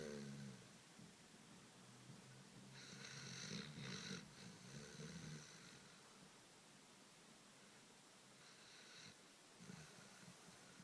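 Repeated rough, rattling breath noises, with louder snorting bursts, from a sleeping dog: snoring.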